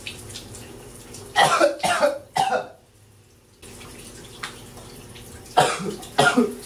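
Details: Two clusters of three harsh coughs over running shower water; repeated coughing fits while showering, from a persistent bug in the throat.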